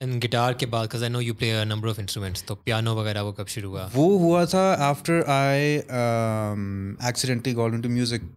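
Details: Adult male speaker; no speech disorder.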